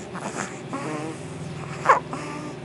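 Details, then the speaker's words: Infant with laryngomalacia referred to an ENT specialist: noisy, squeaky, rasping inspiratory stridor while awake and interacting; loudest when feeding or excited, barely noticeable asleep. "but that Strider that you heard there that was the reason why we were off to see an ENT specialist last week"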